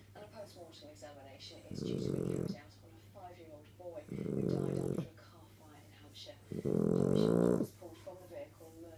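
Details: Pet dog snoring: three loud, rough snores, each about a second long, separated by quieter breathing, with TV news talk in the background.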